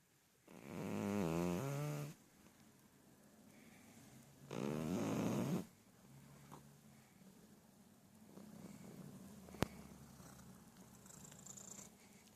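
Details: Cat snoring while sleeping deeply: two long, buzzing, rattly snoring breaths, then quieter breathing with light room noise.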